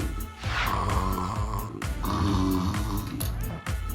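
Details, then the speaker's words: Acted, simulated snoring by a costumed character napping during a break from filming: loud, rough, rumbling breaths over background music; heard as snoring. "(잠깐 눈 좀 붙여볼까) (드르렁) (갑자기?) 코를 고네? (ㅋㅋㅋㅋ) (많이 피곤했구나)"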